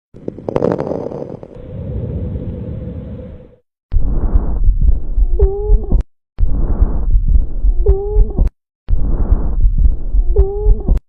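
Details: Lung sounds heard through a stethoscope on pulmonary auscultation: loud rushing breath sounds, about three breath cycles in ten seconds, with a brief higher tone near the end of each.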